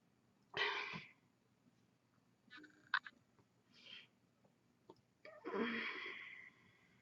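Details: Adult with a cold and a really bad cough: two harsh, explosive coughs with faint breathing noises between them, a barking cough.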